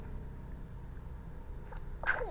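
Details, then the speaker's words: Young boy with a cough and a cold, still cheerful and active, gives one short, sudden sneeze near the end against quiet room noise; sneeze. "Bersin, pilek. Apa sayang? Cepat sembuh ya."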